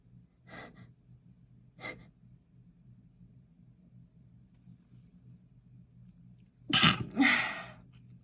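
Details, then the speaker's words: Pregnant woman sniffing lavender bath essence, eyes watering: two short catching breaths, then a loud double sneeze after a quiet pause; sneezing. "Oh, I'm so sneezy. What am I like? Oh, now I love the smell of lavender, but it just... I told you."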